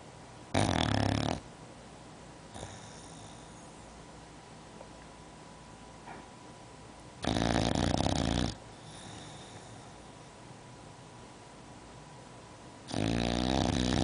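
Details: Loud, harsh rattling snores in long bursts several seconds apart with quieter breathing between, from a female English bulldog sleeping on a couch; her snoring is loud enough to hear from upstairs.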